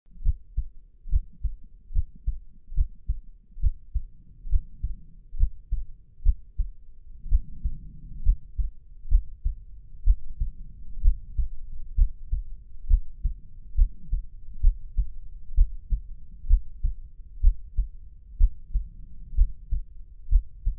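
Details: A real human heartbeat: steady low thumping at about 64 beats a minute with a normal lub-dub rhythm.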